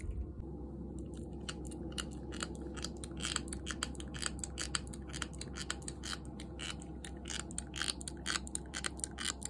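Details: Four-month-old toy poodle puppy grinding its teeth more often: rapid, irregular clicking and scraping of teeth rubbing together; bruxism.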